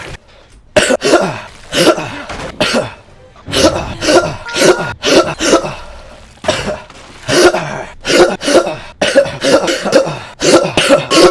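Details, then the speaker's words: Cough from an adult with COVID during a livestream: repeated harsh coughs in rapid clusters, roughly two dozen bursts. "Cause I do have COVID, and uh *COUGHS* Probably gonna do that a lot"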